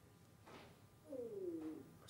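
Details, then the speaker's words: Stomach rumble heard during a live broadcast and noticed by the speaker; borborygmi. "tummy rumbling was talking about their sunday dinners did you hear that did you hear my tummy rumble in oh oh"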